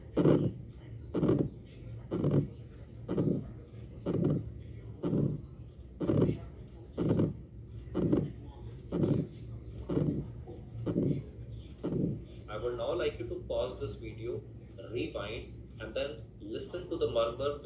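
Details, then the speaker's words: Ejection systolic murmur of valvular aortic stenosis, played for contrast with the late systolic murmur of mitral valve prolapse. "Do not mix this murmur with that of ejection systolic murmur of valvular aotosis. And you can listen to the murmur now."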